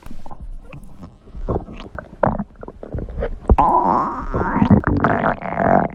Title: Special Stomach Growl Video